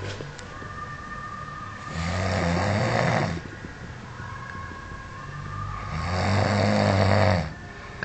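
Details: Snoring: two loud, low, rumbling breath sounds about four seconds apart, roughly 15 breaths a minute, with quieter breathing between; snoring.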